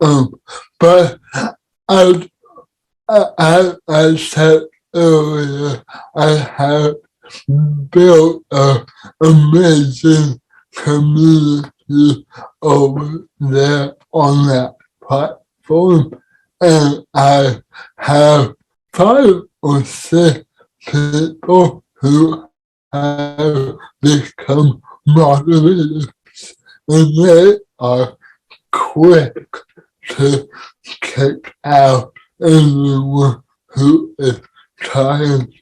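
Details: Dysarthria in an adult man with cerebral palsy, speaking as a podcast guest.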